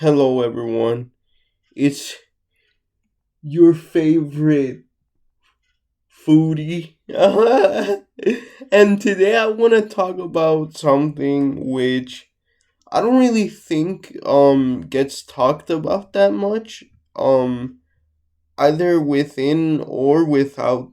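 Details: Mild dysarthria in an adult with cerebral palsy; generalized muscle tightness, including neck and vocal muscles, makes speech slightly slurred; also difficulty swallowing big, chewy food.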